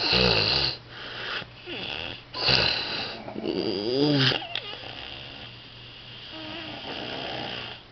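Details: A sleeping person snoring: loud, rough, rattling breaths repeating every second or so, some with a whistling edge, over steady room hum.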